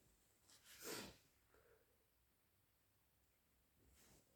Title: Loud and wet natural allergy sneezes plus blows